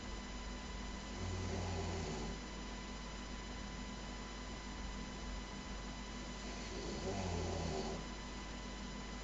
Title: loud snoring